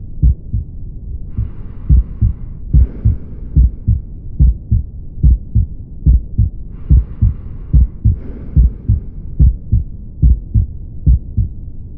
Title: Aortic stenosis/ Sound of Auscultation/#internalmedicine